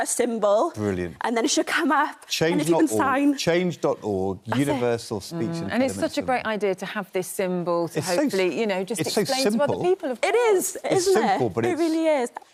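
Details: Adult woman speaking; typical speech.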